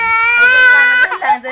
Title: the crying baby